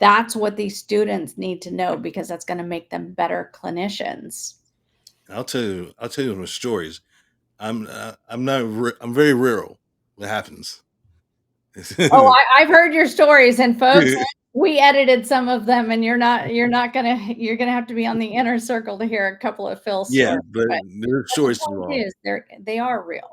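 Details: Two adults in conversation; normal speech.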